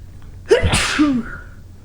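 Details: A woman sneezes once: a quick indrawn breath, then an explosive burst trailing into a voiced exhale; she then says "Bless me" and also blows her nose.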